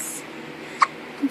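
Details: Newborn baby boy hiccuping: a single short, sharp hiccup with a softer catch just after, over quiet room noise.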